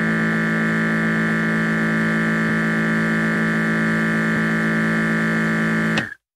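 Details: Automatic blood pressure monitor: steady electric motor hum of the cuff pump inflating, stopping abruptly at the end.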